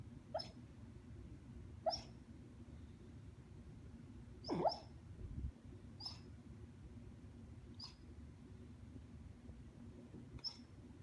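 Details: Bernese Mountain Dog resting after a hard day of play: six short, sharp hiccup sounds in about 11 seconds, spaced irregularly, over low room noise; hiccups.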